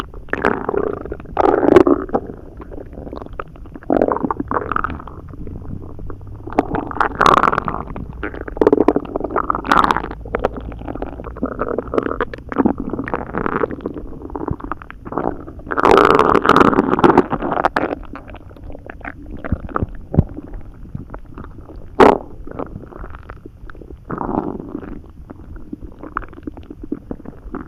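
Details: Loud bowel sounds after swallowing several poorly chewed hot dogs and a lot of water: frequent, loud gurgling and rumbling from the abdomen.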